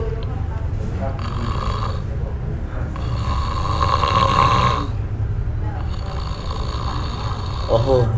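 A person imitates snoring: about three rough, rattling breath sounds over a low background rumble, mimicking someone snoring in sleep.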